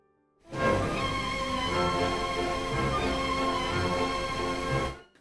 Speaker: tinnitus can sound like this or like this but tinnitus can sound in many different ways tinnitus may for example transform listening to classical music from sounding like this to this or this